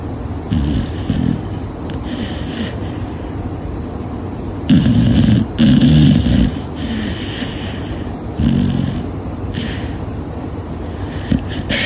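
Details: Loud, irregular snuffly snores and snorts with rough low rumbles over steady background noise during sleep; snoring.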